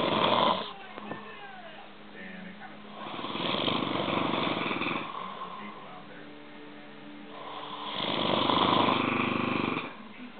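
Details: Two sleepers snoring at night: long, loud rasping snores on each breath with a second quieter snorer in between, about 6 to 7 breaths a minute; snoring.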